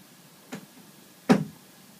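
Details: Golden retriever puppy chilling on a bed: two short, abrupt, soft jerky sounds about three-quarters of a second apart, the second louder; puppy hiccups.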